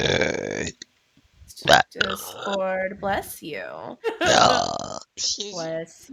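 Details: Burping from a VTuber during a gaming stream, from a burp compilation: several loud voiced belches mixed with brief speech in a small room.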